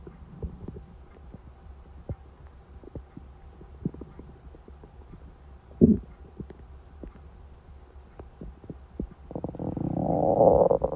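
Irregular gurgles, clicks and low squelches, then a rising drawn-out rumble at the end: hunger stomach rumbling (borborygmi).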